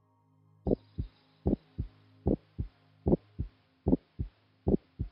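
Regular paired heart sounds at about 75 a minute, a dull first sound and a sharper second; normal.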